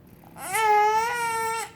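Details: A single short, clear infant cry lasting just over a second, with a steady pitch in a quiet room, in a baby with hiccups; infant cry.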